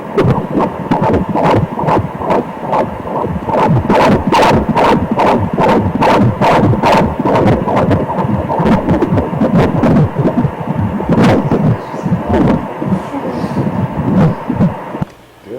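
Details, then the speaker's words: Rapid rhythmic whooshing pulses at about 140–145 a minute, a steady normal fetal heartbeat on ultrasound Doppler during a 3D scan of a female fetus at 25 weeks of pregnancy. "artery for this one is yeah that's pretty that's pretty average heart rate supplying the 140 range 145"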